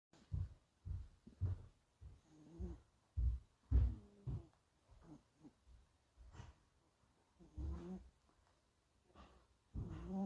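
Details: Sleeping Scottish Fold kitten snoring softly in short, low, irregular puffs, some with a faint squeaky whistle; snoring.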